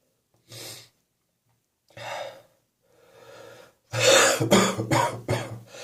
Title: Phlegmy Cough Continues